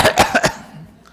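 A quick run of four short, sharp coughs within half a second, then quiet; a brief cough clearing a little phlegm from the throat.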